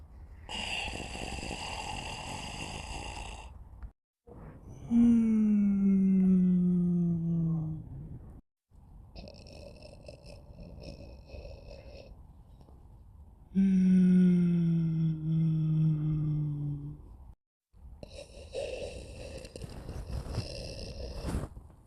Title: Sleeping & Snoring